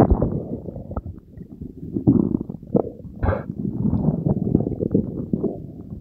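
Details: Belly gurgle ASMR recording after drinking Diet Coke with Mentos: irregular low gurgles and rumbles with a few louder bubbling bursts, normal bowel sounds of digestion.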